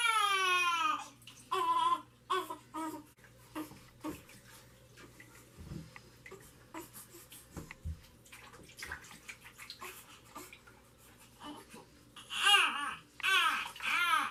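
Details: Male newborn, 3 weeks and 2 days old, crying during his first bath: high-pitched cries in short bursts with whimpers between, over splashing bathwater; he is described as hungry. A normal newborn cry.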